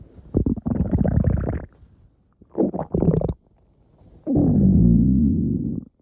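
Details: Stomach growling (borborygmi): three long, low, groaning growls with a bubbly, gurgling texture.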